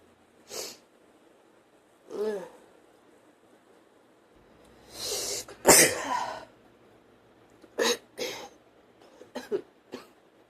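Several sharp bursts, a couple of sneezes followed by short coughs and a nose blow.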